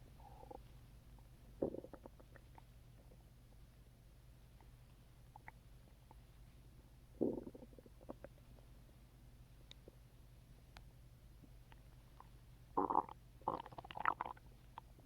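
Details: Intermittent gurgling and rumbling stomach sounds over a low steady hum, linked to drinking Coke; ordinary stomach growling (borborygmi).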